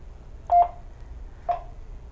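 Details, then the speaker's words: Drager Infinity C500 ventilator being set up for an adult patient, switched on with the green button; two short tonal beeps, then a third a second later, in a quiet room; power-on startup tones. "okay so we have the ventilator set up now to use on an adult patients we're going to turn it on this green button here wait for it to"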